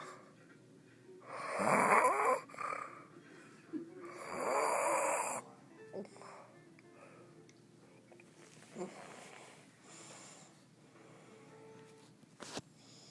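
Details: Someone sleeping gives two loud, harsh snoring breaths, then quieter, softer breaths and a few small clicks; snoring.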